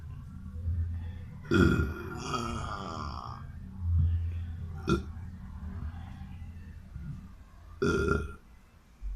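Three loud, gurgling burps over quiet room noise, the first long and drawn out. Ordinary belching.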